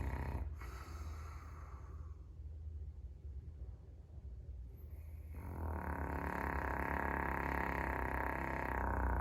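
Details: Caucasian Shepherd dog sleeping in the entryway: steady low rumbling breath noise, rising in loudness; fairly mild snoring.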